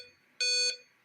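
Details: Hamilton C1 ventilator for neonates, technical and clinical demonstration of the alarm sound setting: a single sharp electronic alarm tone lasting about a third of a second.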